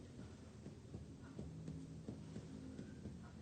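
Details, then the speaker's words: Chest percussion in a cardiac physical exam: around eight quick finger taps give short, low, muffled thuds, a dull note at the right parasternal line marking the right heart border. "berbunyi daunnya seperti ini redup seperti disekitar parasternal Line toh dextra ini adalah batas jantung kanannya"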